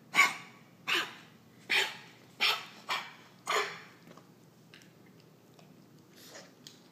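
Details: Dog coughing: a run of six harsh, forceful, bark-like coughs in about four seconds, followed by quiet breathing.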